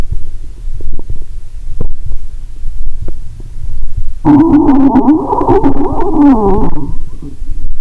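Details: Lying down, stethoscope on the belly after drinking cola and swallowing Mentos: muffled rumble with scattered clicks, then a long rising and falling gurgling growl; active bowel sounds.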